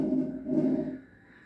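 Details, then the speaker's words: Imitated inspiratory stridor, as in a child with laryngitis and swollen airways: a single harsh, somewhat tonal, flute-like indrawn breath resembling croup breathing; inspiratory stridor (imitated). "Stridor qui arrive lorsqu'on est atteint d'une laryngite, par exemple. Puis là, nos voies respiratoires vont être enflées. Ça va réduire la colonne d'air."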